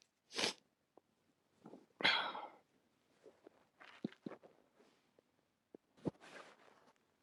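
Three sharp sneezes with quieter breaths and small sounds between them in a quiet room; ordinary sneezing.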